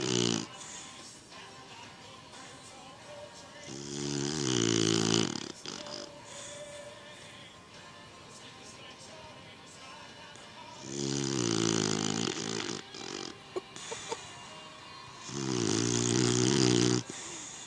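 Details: Three long, loud, rough snores on inhaling, separated by quieter exhales, with background music; snoring.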